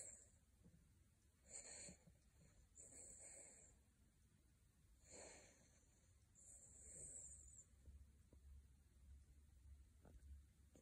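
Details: Small Havanese dog snoring quietly and snuffly, soft rattling breaths recurring every couple of seconds; snoring.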